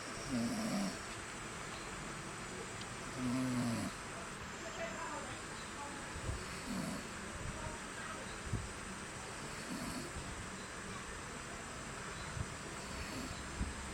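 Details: Snoring loudly while a baby monkey sleeps hugging its dad: rough, low snores about 20 a minute over steady room noise.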